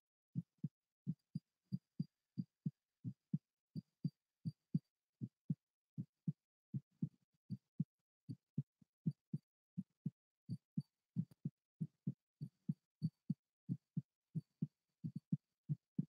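Clear, steady lub-dub heartbeat, about 110 beats a minute, with an even rhythm.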